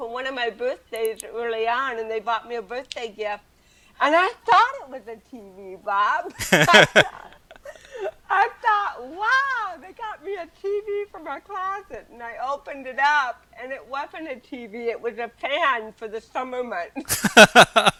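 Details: Adult woman with cerebral palsy from birth, also hearing impaired and wearing hearing aids, speaking in a real 2013 interview; dysarthric speech in cerebral palsy.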